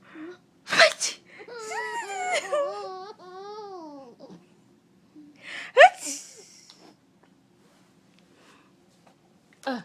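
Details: Person sneezing while another laughs: two sharp sneezes separated by long sung or laughing vocal sounds in a small room.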